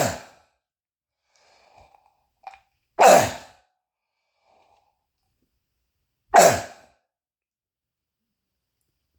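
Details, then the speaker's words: Adult gives three final harsh, loud barking coughs a few seconds apart in a quiet kitchen room, testing the echo, last cut short; croup-like barking cough. "so we are doing a I'm doing a sound test on my coffin okay so I am going to end the video with with three more final coughs and let's just listen again to see if the group cough EO files"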